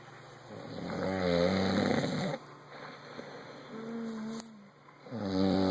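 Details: Loud, rattling snores on the in-breaths with quieter breathing between, about two cycles in a few seconds; typical snoring.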